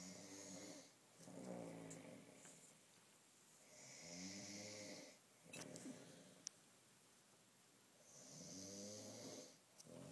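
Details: Adult man snoring in bed at night: soft, rhythmic snores about every four seconds, roughly 14 breaths a minute, in a quiet room.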